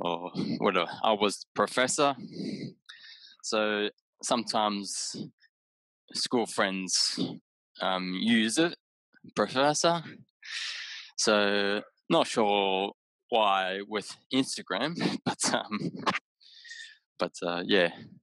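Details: Aphasia in an adult man about six years after a haemorrhagic stroke caused by an AVM at age 34, with right-sided deficits, word-finding difficulty and mixing up of similar objects.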